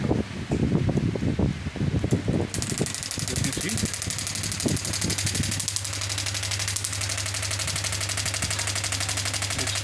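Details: After brief talk and handling noise, a fast, even mechanical rattle of rapid pneumatic shots runs steadily: a radial shockwave therapy device firing on the knee program, frequency set to 12.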